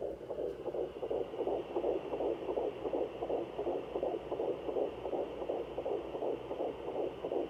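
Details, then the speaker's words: Fetal heartbeat on a Sonoline B home fetal Doppler: rapid, regular whooshing pulses at about 160 beats a minute. They are clearly faster than the mother's own slower heartbeat. "see you can clearly tell the difference between mine and the babies the babies are so much faster"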